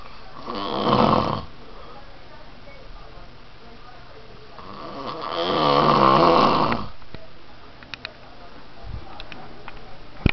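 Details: Adult man (an uncle) snoring: two loud, rattling snores on in-breaths, separated by quiet breathing, with faint room noise.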